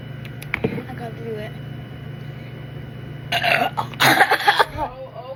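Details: A burst of gulping, throaty belching and sputtering near the end after a quiet stretch, during a challenge to chug soda without burping: burping.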